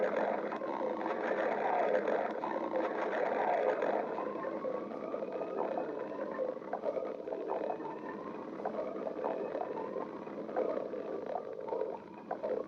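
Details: Steady low rumbling with repeated short gurgles and squeaky rising whines over about thirteen seconds: stomach growling, ordinary bowel sounds (borborygmi).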